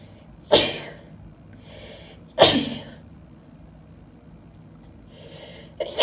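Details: Female who can't stop sneezing: two loud explosive sneezes with quick breaths in between and a third beginning at the end; a run of repeated sneezing.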